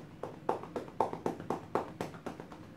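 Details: Rhythmic hollow popping claps, about four a second, from manual chest percussion with cupped hands or handheld percussor during chest physiotherapy for airway clearance in a cystic fibrosis patient, demonstrated in paired positions two minutes each.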